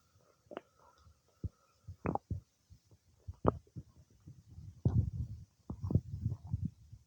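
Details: Bowel sounds some time after eating cake: irregular gurgles, pops and rumbles from the belly, some short and sharp, some longer; active borborygmi of normal digestion.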